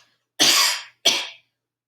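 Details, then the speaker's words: Two strong, clean voluntary coughs from an adult on cue after a thickened-liquid swallow during a swallowing assessment; no wetness or rattling on the vocal folds, judged a normal voluntary cough. "all right that sounds good so i'm not hearing any wetness or vocal folds i'm not hearing any rattling around on the vocal folds during the cough as well"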